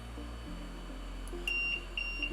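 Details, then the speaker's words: High electronic beeping over low machine hum: a disconnect alarm on an LTV-1000 transport ventilator, sounding on a simulated circuit disconnection. "when the ventilator alarms we have both an audio alarm as well as a visual display on the display window so if we can simulate this by"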